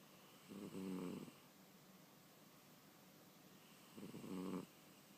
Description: Selbbin the cat snoring